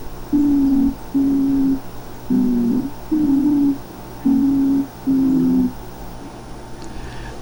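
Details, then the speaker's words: Biphasic stridor from tracheal or laryngotracheal narrowing (tracheitis, laryngotracheitis), typically in children: a high-pitched sound, sometimes audible at a distance, heard during normal tidal breathing. "es el escritor muchachos a veces lo escuchamos a distancia a veces tenemos que poner el estetoscopio pero ese sonido agudo que se genera aquí lo estamos percibiendo"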